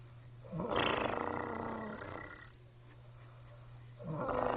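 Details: Mother-in-law asleep, snoring like a cartoon character, filmed secretly at night: loud, harsh rattling snore on the in-breath, then a quieter pause before the next; heavy snoring.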